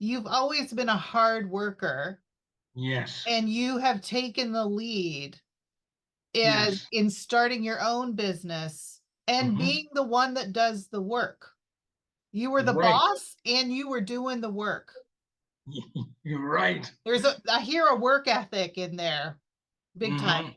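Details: Adult woman speaking, with brief replies from a man; ordinary speech.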